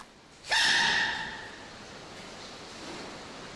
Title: Animals Sneezing #4 😹😸